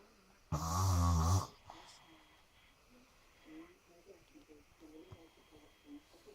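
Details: At night, one loud, low, rattling breath, then quiet soft breathing; snoring that is keeping the listener awake.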